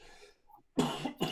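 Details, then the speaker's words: Two quick, loud, full-sounding cough bursts from an adult man; a chesty cough he says is coming to the end. "Just sorry about my chesty cough, guys. I was not ringing down your ears going, oh my God, that sounds horrible."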